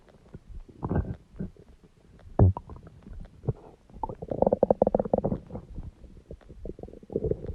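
Low gurgling and rumbling with bubbly pops and a drawn-out groan; ordinary stomach growling.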